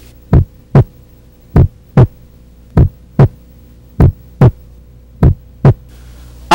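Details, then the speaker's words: Regular lub-dub heart sounds, about 50 beats a minute over a low hum, in a nursing physical-exam demonstration; S1 from mitral and tricuspid closure, best heard at the apex, longer and lower than S2; normal heart sounds. "bulha corresponde ao fechamento das válvulas mitral e tricúspide sendo que o melhor ponto de ausculta é o foco central seu som é mais prolongado e mais grave do que o da segunda bolha"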